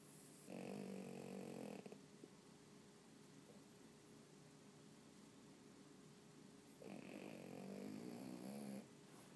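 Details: Snoring during sleep: two long, rough, rattling snores separated by a quiet pause.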